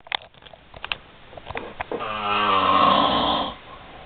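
Scattered clicks and snorts, then a single long, loud, buzzing snore on inhalation; ordinary snoring.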